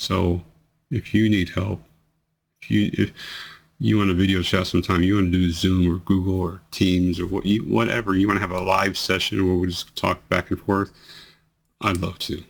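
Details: 43-year-old man with multiple system atrophy, 2 years 3 months into the disease, bladder problems preceding other symptoms, reports worsening slurring, delayed word onset, hesitancy and voice tremor; dysarthria (slurred speech) in multiple system atrophy.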